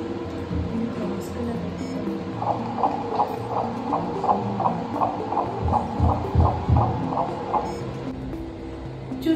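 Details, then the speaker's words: Normal fetal heartbeat on ultrasound: fast, regular swishing pulses, partly masked by music. The pregnancy is in a 26-year-old woman with low egg reserve (AMH 1.6) after a fertility journey described as IVF. "కదా బేబీకి heart beat వచ్చేసింది."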